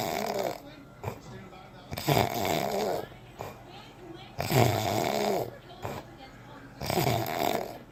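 Loud, rough snores about every two and a half seconds, with quieter breathing between them: snoring.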